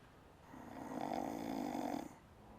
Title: Even these two men were shocked by her snoring